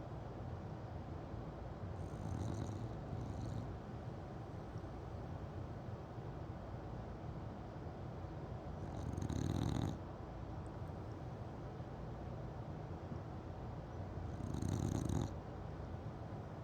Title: Winston sleeping and snoring with one eye open.